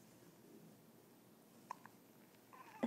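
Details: Cat with hiccups: two faint, brief squeaky hic sounds in close succession over quiet room noise.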